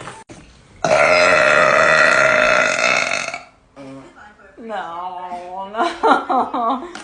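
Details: Girl burping: one long, loud, rumbling burp lasting nearly three seconds, followed by voices and laughter; burping.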